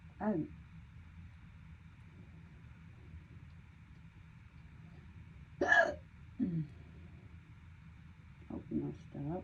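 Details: Sharp, brief voiced hiccups at irregular intervals with quiet room noise between, in a persistent hiccup bout that lasted over 12 minutes and that the person calls painful.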